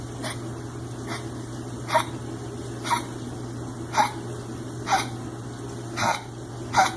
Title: Dog coughing